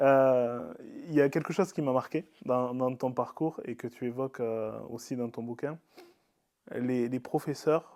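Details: Adult man speaking French; typical speech.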